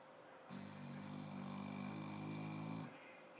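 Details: A single steady, humming snore from Gracey while snuggling, about two seconds long over faint room hiss; ordinary snoring during sleep.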